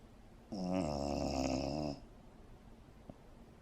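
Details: Resting Dachshund (teckel) dog; one buzzing, nasal, slightly whistling snore of about a second and a half. Harmless snoring.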